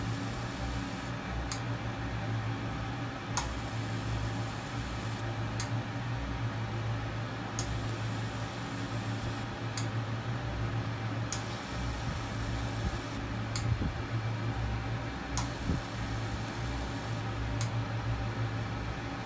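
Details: Fractional CO2 laser treatment for acne and acne scars: steady fan-like hum with sharp ticks and alternating bursts of hiss, the laser running during skin treatment.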